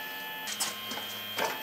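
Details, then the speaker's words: Homemade prototype ventilator, stepper-motor-driven variable-displacement piston pump in a roughly one-litre glass beaker, with pressure sensors and manual, automatic and trigger modes: steady mechanical whir, high whine and soft motor pulses as it cycles. "so it's basically a stepper motor controlled piston pump variable displacement piston pump"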